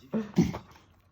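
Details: Corgi; after looking it up, the owner believes it is reverse sneezing. Two quick, harsh snorting sounds, apparently a brief reverse sneezing episode.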